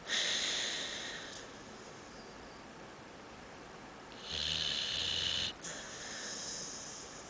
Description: Dog sleeps like a man on the couch and snores like a human